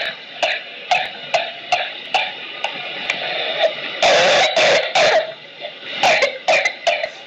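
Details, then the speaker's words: Pertussis in an older child: a rapid run of short coughs in a spasmodic paroxysm without the whooping in-breath, the child unable to inhale; may resemble laryngitis. "tiene el gallo, pero sí la tos espasmódica y el crisis. Y no es capaz de inspirar."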